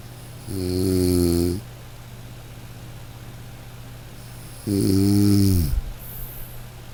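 Two long, low, vibrating snores about four seconds apart, with steady low hum in the background; ordinary snoring.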